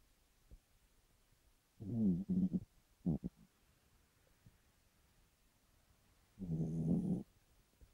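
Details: A sleeping Chihuahua snoring in the middle of the night and waking its owner: two long, low rattling snores with short snorts between; snoring.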